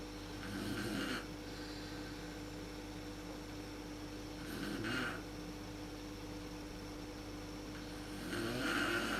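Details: Sleep snoring by the mother, recorded in the dark on a Canon PowerShot SX130 IS; snoring is worst at sleep onset. Three soft, rough snores on the in-breath about four seconds apart over steady room hum.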